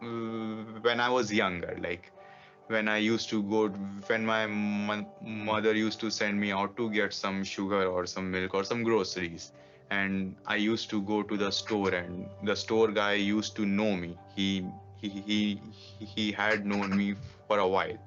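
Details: Adult man who stutters, interviewed in a documentary about stuttering; stuttering.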